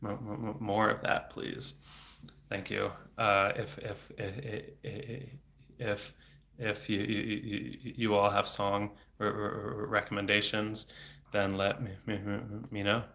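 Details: Adult male speech-language pathologist who has stuttered since age eight (about 26 years), with speech therapy off and on until his early 20s, speaking without fluency strategies; blocks with throat tension and frequent repetitions; stuttering.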